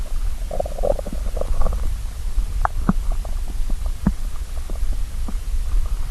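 Low gurgling and rumbling from the belly with a few brief squelches: ordinary stomach growling from hunger.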